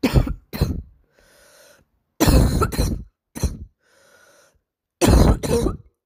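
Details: A young girl with a cough of unknown cause, recorded in poor sound quality; barking cough.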